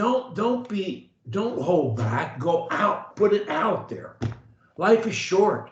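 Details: Adult woman; typical speech.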